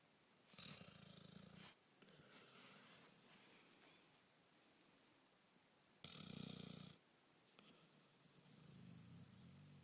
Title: Snoring